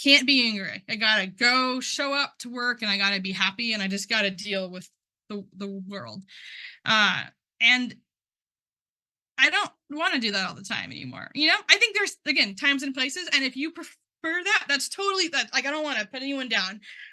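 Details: Man who identifies as a person who stutters, speaking at a stuttering conference; word and part-word repetitions are audible; stuttering.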